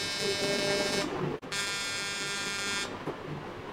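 Two bursts of steady high electronic buzzing with a brief gap, in a quiet room; a fractional CO2 laser handpiece test-firing.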